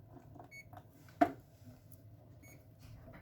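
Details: A few short high beeps and a soft click from a new epidural/PCA infusion pump while it is programmed for a new patient, with labour selected as the therapy; quiet room noise; normal operating tone.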